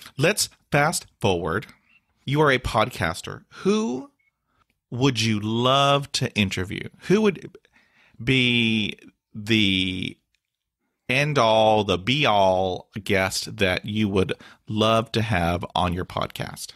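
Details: Adult man with stuttering involving blocks that can last a long time, facial tics and hand gestures, despite years of speech therapy; stuttering.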